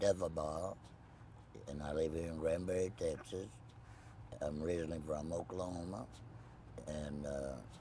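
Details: Tracheoesophageal speech in an adult man after total laryngectomy, no voice box, speaking with a Provox voice prosthesis.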